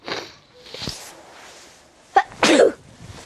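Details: Recording featuring a cat: a single loud explosive sneeze after a brief sharp intake, with quiet room noise around it; sneeze.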